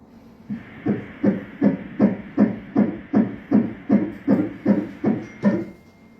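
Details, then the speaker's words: Fetal heart on Doppler ultrasound during a scan confirming a baby girl, anomaly scan reported normal, posterior placenta; rapid regular whooshing beats at 158 per minute. "Okay fetal heartbeat is 10058 [Musika] okay 158 ang fetal heartbeat"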